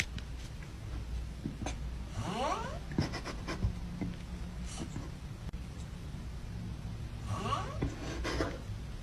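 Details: A cat snores, with two raspy, wavering breaths about five seconds apart over a low steady room hum.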